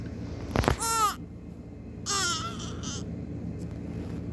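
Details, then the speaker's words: Two short, high-pitched wailing cries from a one-week-old newborn waking in the morning, about to be given a small 1-ounce bottle feed: a normal newborn hunger cry. "बस अभी मैं उसको दूंगी थोड़ा सा feeder क्योंकि वो उनकी टैं शुरू हो गई है।"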